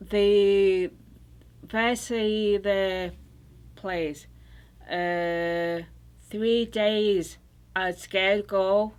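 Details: Woman recovering from stroke, in an intensive aphasia treatment program; Broca's aphasia with apraxia of speech.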